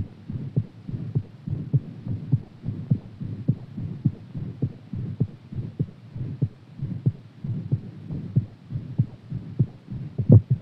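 Rapid, steady heartbeat thumps over a low hum, a heart beating fast after exercise.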